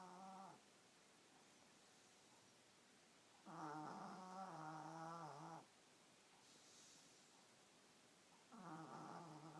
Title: Snore Puppy!